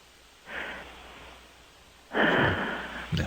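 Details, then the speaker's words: Snoring, heard over a phone during a radio call-in show. "guys are better because of that novelty snore yeah may maybe we can get r to fall asleep when he comes in on THS you can hear a little that signature snore"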